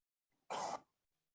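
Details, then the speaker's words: Single short, harsh adult cough recorded over a faint, steady air-conditioner hum, in a cough-detection study of college students' communication patterns. "so you heard some sort of noise right but still you can hear some uh what is coughing"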